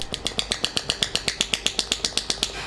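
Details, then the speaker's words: Compressed-air shockwave therapy device firing, demonstrated on the user's own skin with adjustable frequency and power: rapid regular sharp clicks, about eight a second, from the handpiece; shockwave device firing. "because it's using a compressed air, between the time you actually press it to the time it actually gives the full power"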